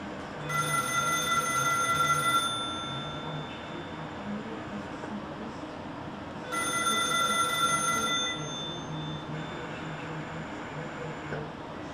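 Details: Servo-i ventilator pre-use check with test tubing connected between the inspiratory and expiratory outlets: two bursts of steady high beeping tones over a low mechanical hum as the automatic tests run.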